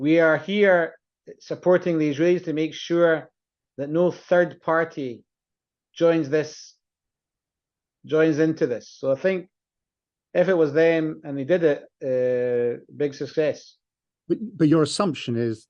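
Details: Adult man speaking; ordinary speech.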